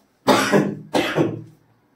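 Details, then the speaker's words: Cough from an adult speaker who is unwell, heard during a lecture in a quiet indoor room: two loud, harsh cough bursts in quick succession. "थोडी तब्येत ठीक नाही समजून घ्या खोकला येतो मध्ये"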